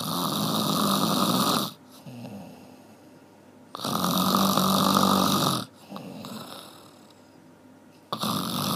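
Loud, rough rattling snores on each in-breath with quieter out-breaths between, about 15 breaths a minute: typical snoring.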